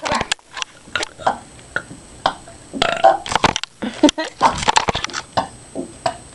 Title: Farting and burping